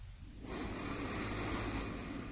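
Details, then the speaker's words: Simulated sleep breathing showing flow limitation: a steady, slightly noisy airflow as the relaxed upper-airway muscles let the tongue and soft palate narrow the airway during sleep. "for those who have sdb the muscles in the upper Airway begin to relax during sleep and the tongue and soft pallet move closer to the back of the airway"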